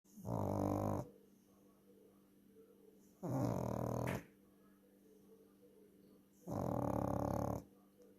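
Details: Loki snoring: three loud, rumbling, growl-like snores about three seconds apart, with quiet room sound between.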